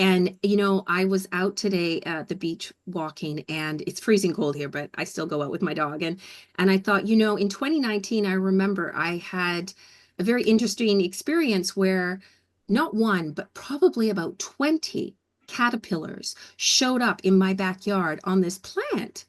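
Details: Adult woman speaking; normal speech.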